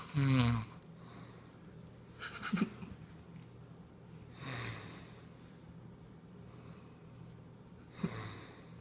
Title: Cigarett snore